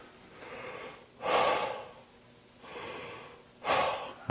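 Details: Dentist demonstrates an oral appliance (Herbst device) holding the jaw forward: two smooth, airy, quiet breath cycles without the snoring flutter or rattle heard without it, showing an open airway.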